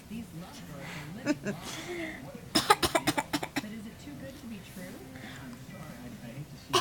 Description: tried his hand at some fake coughing - with the encouragment of Mom...